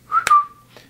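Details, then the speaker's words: Person with Tourette syndrome, also diagnosed with schizophrenia: a brief sharp whistle with a snap-like click. The tics come in pairs, a snap and a whistle, which he tries to control. "so and they come in pairs like that a snap and a whistle but I try to control it the best of my ability"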